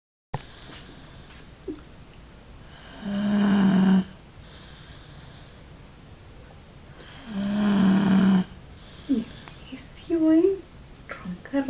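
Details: Person recording their own snoring: two long, rough, low-pitched snores on breathing in, about 14 a minute, with quiet pauses and faint room noise between; snoring.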